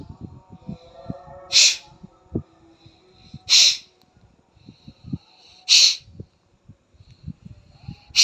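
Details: Sneezing during nose drying after Jala Neti nasal rinse (yoga, kapalbhati): four short, hissing bursts of air through the nose about two seconds apart, like forceful nose-blowing or sneezes.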